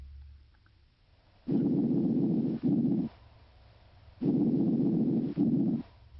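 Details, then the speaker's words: Loud, harsh, hollow breaths with a brief silent gap and an expiration longer than inspiration, heard over the trachea or main stem bronchi: bronchial breath sounds. "bronchial breath sounds are harsher louder and higher in pitch than vesicular sounds they are often heard over the trachea and main stem bronchi"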